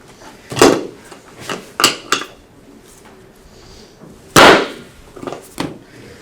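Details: Several sharp knocks and clicks, one loud: joint cavitation as a chiropractor adjusts the raised right knee using a board.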